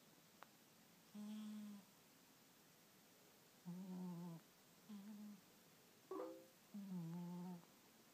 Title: Cat snoring